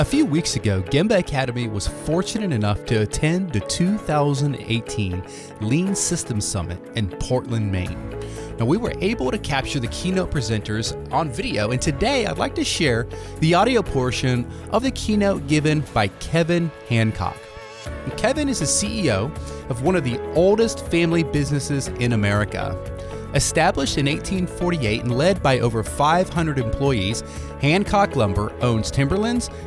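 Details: Adult male speaker; normal voice.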